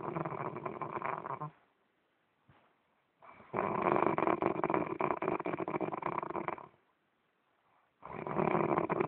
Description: Can't sleep...with this noise...hahahahhahah....Thats my lovely husband.